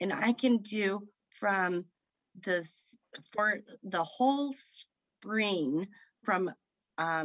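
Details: Woman with aphasia after a stroke at age 38 in September 2018 that affected her right side, speaking about 3 years after onset; aphasia.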